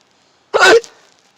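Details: Hiccups in a car: one short, sharp, voiced hiccup in a quiet space; hiccup.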